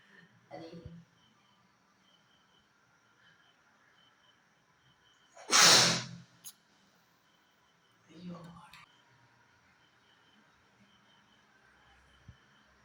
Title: sneezing video ( ഇ video നേരത്തെ കണ്ടവർ subscribe&support cheiyane)#sneezingchallenge #sneezing